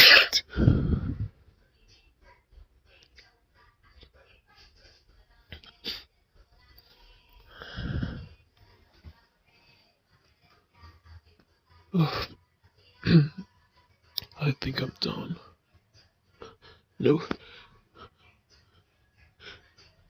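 A run of sneezes, several forceful bursts with quick gasps between them, in a quiet room: a sneezing fit.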